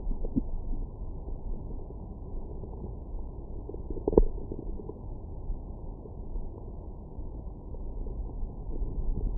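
Low rumbling and gurgling gut noises over a steady low hum, with one brief sharper gurgle; ordinary stomach growling after a meal.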